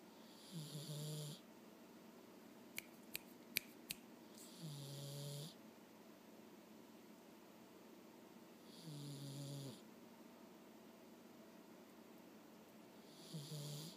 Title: My cat snores...